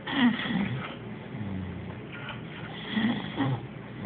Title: My baby snoring! Ha!